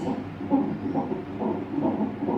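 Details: Fetal heartbeat on a monitor at 39 weeks of pregnancy, baby girl, during a monitoring session: rapid, regular whooshing beats about 140 a minute, normal fetal heart rate near term.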